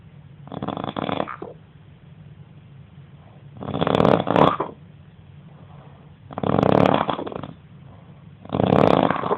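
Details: Roommate snoring heavily during sleep, described as insane snoring: four loud, rasping snores about two to two and a half seconds apart, over steady room hiss.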